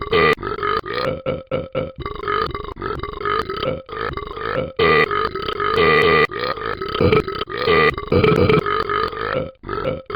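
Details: Burping: a long run of loud, rumbling, voiced belches, one after another with short gaps.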